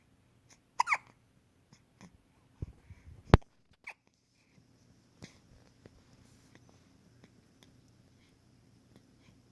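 Several sharp, abrupt gulping bursts at irregular intervals in a quiet room, typical of hiccups.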